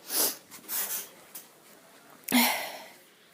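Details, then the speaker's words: Adult woman from Australia: several sniffs and a short breath-in, then one sharp explosive sneeze with trailing exhale; ordinary single sneeze. "oh well there we go there's one oh my nose"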